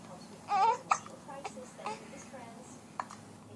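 A child makes a brief vocal sound, followed by about four short, abrupt, gulping catches at irregular intervals, consistent with hiccups.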